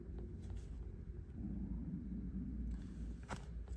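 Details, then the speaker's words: Low bubbling rumble with gurgles swelling midway; the adult speaker's own stomach growling (borborygmi), a normal digestive sound. "was the sound of my stomach. I'm so sorry. My stomach is like, "What the hell are you doing?""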